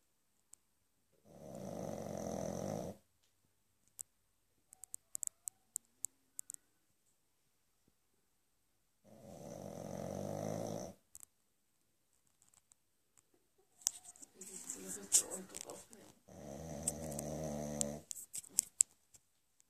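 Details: One-year-old small female Pug sleeping: four rattling, buzzing snores about four seconds apart with faint clicks between them.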